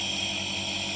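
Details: Omron compressor nebulizer (bought around 2005–2006) used at home by an adult with allergic asthma since about age 15, with Ventolin and Pulmicort for cough: steady loud mechanical hum and hiss without pauses, compressor running normally.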